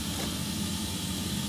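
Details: A suction unit runs during a nursing demonstration of tracheostomy-tube suctioning on a patient, with a steady loud hiss and low hum: the continuous noise of a running suction unit.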